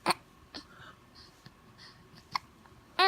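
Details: Baby boy about 10 weeks old with hiccups: short, sharp hiccup sounds a few seconds apart, quiet breathing between, and a brief vocal sound at the end.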